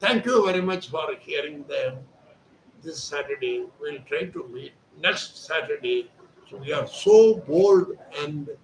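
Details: Adult man speaking Hindi, voice problem since childhood; surgery advised elsewhere, instead after 4 days of voice therapy exercises, reports improved voice; puberphonia.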